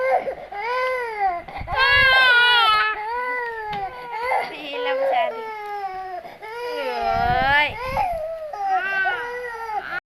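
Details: Infant, described as very hungry, crying in loud, rhythmic, wavering bursts with short gasping breaths between; infant hunger cry.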